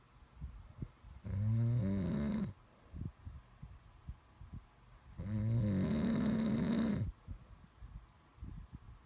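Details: Two loud, low, rattling inhaled snores about four seconds apart, roughly 15 breaths a minute, with quiet breathing between. Finding: snoring.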